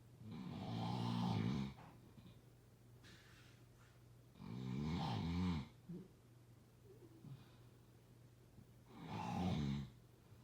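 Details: Snoring: three loud rumbling snores on inhalation, about 15 breaths a minute, with quiet exhalations between.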